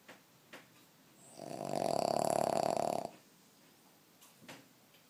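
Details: A big sleep and a big snore from a sleeping dog: a single loud, fluttering snore under two seconds, with a rattling buzz, in a quiet room.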